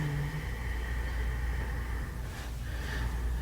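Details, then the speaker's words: Stethoscope lung auscultation in a female patient with normal heart and carotid sounds: steady high whistling tone over breathing; expiratory wheeze. "Her heart auscultation is totally fine, but when we listen to her lungs, she has an expiratory wheeze, and you can actually even hear it when"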